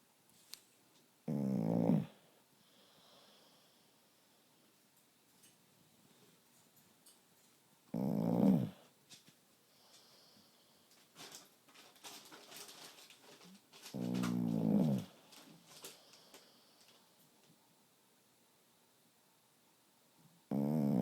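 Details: Person asleep snoring: loud rattling snores at long, irregular intervals, about every six seconds, with quiet room noise between; snoring.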